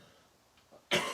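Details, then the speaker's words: A single loud, abrupt, moist and rattly cough from an adult man, which he himself calls a wet cough. "it's a wet cough"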